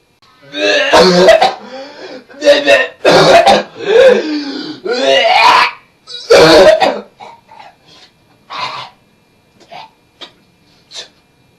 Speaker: step number four if it's not working just go to the bathroom and keep coughing until you get something out of your throat